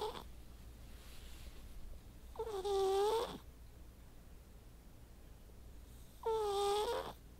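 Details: White cat snoring a lot while asleep: soft, whistling, nasal snores at about 17 a minute with quiet pauses between them.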